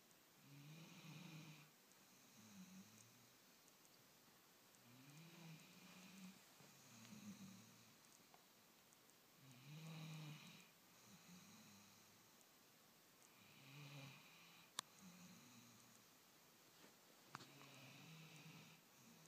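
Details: Puppy, described as big as a lion, snoring: rhythmic low rattling snores on each breath, about six breaths in nineteen seconds, roughly 19 a minute, in a quiet room during sleep.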